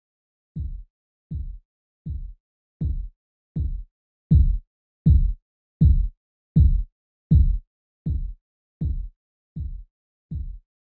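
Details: Simulated blood pressure practice reading with an aneroid sphygmomanometer for allied health students: thirteen low, regular thumps at about 80 a minute, swelling then fading during cuff deflation; Korotkoff sounds.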